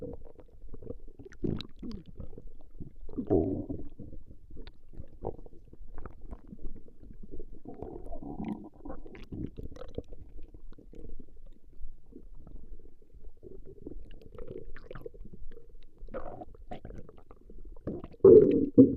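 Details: Recording of a woman's stomach growling: ongoing irregular gurgling and bubbling rumbles, louder near the end; ordinary stomach growling (borborygmi).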